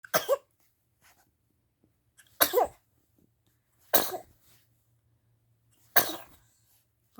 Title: Bouncer Sneezes